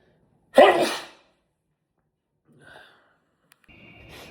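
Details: Person sneezing, from a sneezing compilation: a single sharp, explosive sneeze, then quiet with a soft breath and faint noises.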